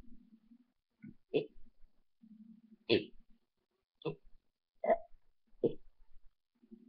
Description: im burpin' the alphabet.